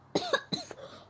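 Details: Cough after aspiration of liquid in a child: two quick, sharp coughs after water from a popped water-filled bag went straight down the throat.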